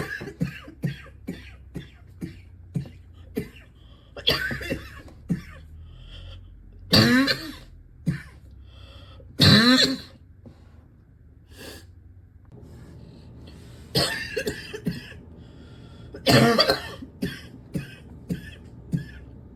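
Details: Harsh, explosive coughs in bursts with throat-clearing sounds in between; a barking cough that is getting worse.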